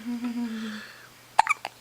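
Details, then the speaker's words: 10-day-old baby girl: soft humming vocal sound, then a sharp abrupt hiccup with a quick gulp and a smaller catch; whole body shakes with each; infant hiccups. "There's another hiccup. Poor girl. Hiccup. More hiccups?"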